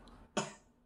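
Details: A single short, sharp cough from one of two sick young children, aged 2 and 5, who have a cold.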